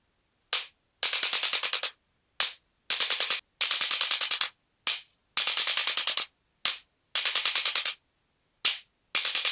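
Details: Male patient with L3–L4–L5–S1 disc bulges on MRI and bilateral sciatica with difficulty walking: bursts of rapid sharp mechanical clicks alternating with single clicks, from a handheld chiropractic adjusting instrument.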